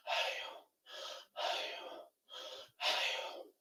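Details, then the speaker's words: An instructor's mouth imitation of bronchial (tubular) breathing, harsh hollow blowing on inspiration and expiration, described as laryngotracheal sound transmitted to a consolidated lung segment, in a chest auscultation lesson. "el soplo tubárico es la transmisión del ruido laringotraqueal A un segmento de condensación pulmonar con su timbre en a eo O sea que más o menos va a sonar como"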